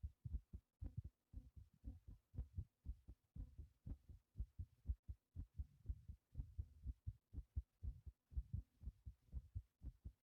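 Fast, strong, regular heartbeat at about 120 beats a minute, a normal quickened rhythm after physical effort.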